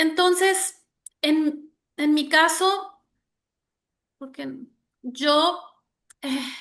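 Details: Adult woman with developmental stuttering that began at age 6, now mild (about 80% fluency) with cyclic variation; stuttering.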